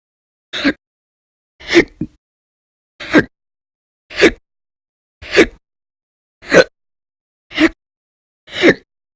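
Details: Persistent hiccups recorded audio-only in January 2020, described as violent, loud and silent; earlier bouts lasted roughly 2–13 hours a day in late December 2019. Eight abrupt, sharp gulping hiccups over about nine seconds in a quiet room.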